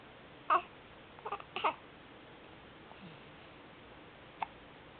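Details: 3-month-old baby girl hiccuping while a parent plays with her: a few abrupt, squeaky voiced catches, irregularly spaced, in a quiet room.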